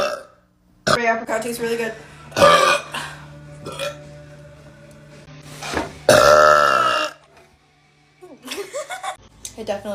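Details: Young woman burping: several long, deep, voiced belches with brief speech and laughter between, over faint background music; burping.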